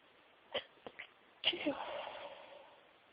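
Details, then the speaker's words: Stifled sneezes: several short, held-back sneezes, then a longer breathy exhale; sneezing. "Phew. Bless me. I'm gonna sneeze. Chew."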